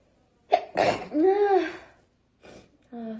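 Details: Japanese woman sneezing: an abrupt sneeze burst followed by a voiced exclamation and brief nose sounds; an ordinary sneeze.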